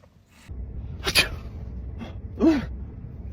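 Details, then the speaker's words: Staged prank, simulated: two loud, abrupt sneezes with a sharp inhaled catch before the second, as one person pretends to sneeze on another. "Did you just sneeze on me? >> I'm so sorry. I got to sneeze. I need a tissue."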